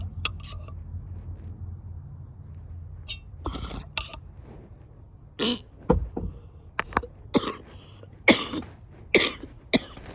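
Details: Wet (productive) coughs from an adult female.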